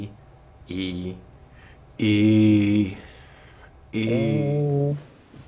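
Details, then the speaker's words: Chest auscultation while the patient says "e", which comes through as a nasal, bleating "a": egophony, suggesting underlying consolidation of lung tissue. "e when e sounds like a and has a nasal quality as in this example egophony is present suggesting underlying consolidation of lung tissue"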